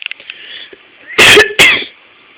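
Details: Two loud, harsh cough bursts in quick succession in a quiet room, preceded by faint high-pitched sounds, possibly the owner's cat mewing in response to the coughing.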